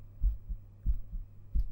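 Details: Steady paired lub-dub beats, roughly 90 a minute, with a faint hum, heard through a stethoscope whose earpieces are connected to a 3Dio binaural microphone, the presenter's own heart; normal heart sounds.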